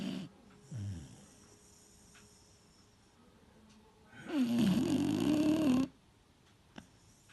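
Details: Three-year-old male Beagle snoring loudly while asleep: a loud, rattling, drawn-out snore on the in-breath after a quieter breath.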